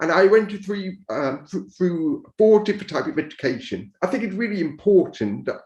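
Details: Speech of an adult man profoundly deaf from birth, raised to speak rather than sign, who wore hearing aids until 2012 and now uses a cochlear implant; deaf speech.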